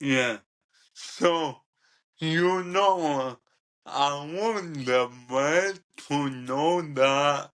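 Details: 27-year-old man with cerebral ataxia present from birth, diagnosed at 15, which he describes as degenerative and affecting his coordination, talking and movement; ataxic dysarthria.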